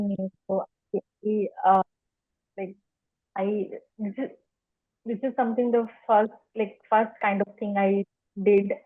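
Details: Speech of an adult woman who stammers, describing her stammering journey; stuttering.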